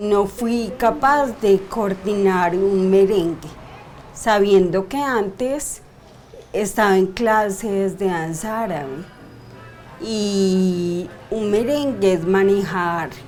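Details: 42-year-old woman diagnosed 10 years earlier with idiopathic cerebellar ataxia, with episodes of slurred speech, involuntary tongue movement and daily speech therapy; ataxic dysarthria.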